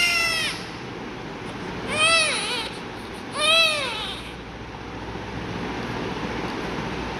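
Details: Newborn baby under treatment, with injection Fortum (ceftazidime) 250 mg prescribed: three short, thin, high-pitched cries over steady room hiss, a typical weak newborn cry.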